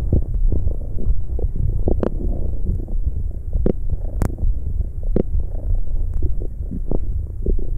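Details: ASMR recording of stomach growling: continuous deep gurgling and rumbling with scattered pops and squelches from gas and fluid moving through the gut; normal bowel sounds (borborygmi).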